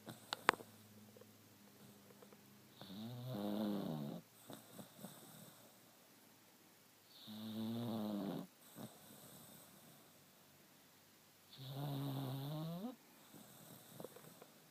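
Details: Sleeping dachshund snoring: three slow, loud rattling snores about 4 seconds apart, each rising in pitch, with quiet pauses between.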